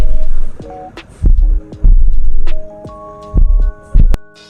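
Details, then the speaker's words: Bradycardia, with the heart beating slower than 60 beats per minute: slow, deep heart thuds in widely spaced pairs. "bradicardia los latidos del corazón son más lentos menor a 60 latidos por minuto el ruido del corazón sería este"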